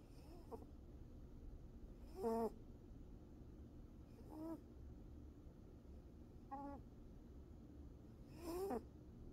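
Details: Snoring in a sleeping cat of about 7 years, a female lap cat napping on her owner: short whistly snores on each breath about every two seconds over a steady low room hum.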